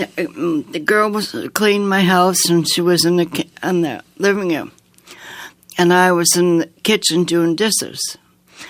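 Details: Woman with aphasia after an aneurysm, a heart attack and two strokes in 2012 at age 54; she could not speak afterward and relearned speech through therapy; aphasia.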